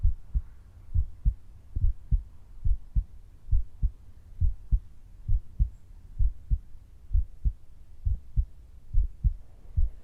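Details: Stethoscope auscultation of the heart during an ASMR roleplay home cardiovascular exam, patient breathing slowly and deeply: regular paired lub-dub sounds at about 68 a minute, no added sounds, normal heart sounds.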